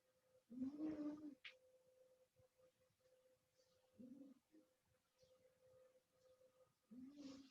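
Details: Soft, low, slightly tonal snores recurring about every three seconds over a steady room hum: a pet cat snoring while the owner is quiet.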